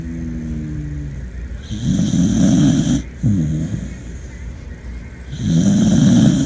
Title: Beagle Snoring